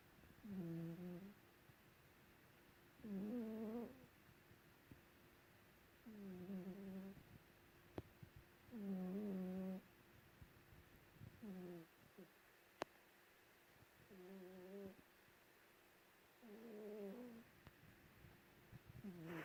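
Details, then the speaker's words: Snoring from a cat sleeping under a white blanket: slow, regular, noisy breaths at about 23 a minute in a quiet room. The snore is often loud enough to hear from another room. "Lulu is snoring, and I'm going to try and capture it."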